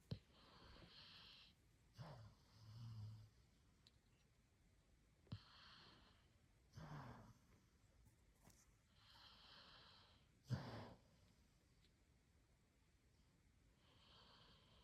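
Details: Labrador puppy asleep, shaking while dreaming, with soft, irregular snuffling breaths, occasional snorts and light snoring.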